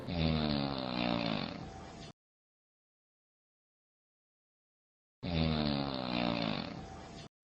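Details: Loud snoring, presented in a discussion of obstructive sleep apnea and possibly a simulated recording: two loud, harsh, rattling low-pitched snores, each about two seconds long, separated by a silent pause.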